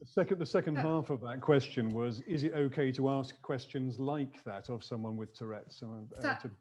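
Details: Adult male speaker; ordinary speech.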